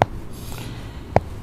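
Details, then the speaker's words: Joint crepitus: two sharp, dull clicks about a second apart with quiet rustling between, cracking from the ankle of an adult man (previously sprained) pressed during massage; he has hip and back pain radiating down the leg. "Ini bisa bunyi-bunyi begini teman-teman ya."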